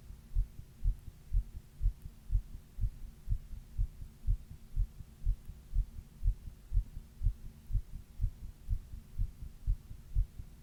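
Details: Steady, regular low heart thumps at about 122 beats a minute, recorded by the person on their own chest while reading, during a 102 °F fever; fast heartbeat (tachycardia) with fever.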